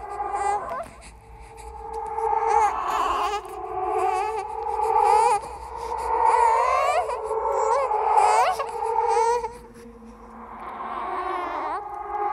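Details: Horror sound-effect track of a ghostly baby crying: rising and falling wailing cries in repeated bursts with short breaths between. The cry is composed with other creepy sounds, not a real recording.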